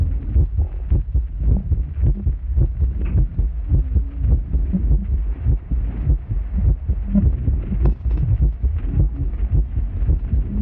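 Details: Deep, regular amplified heartbeat, about 105 beats a minute, with a low background hum; normal heart sounds from live auscultation of a performer's body, processed as a sound art installation.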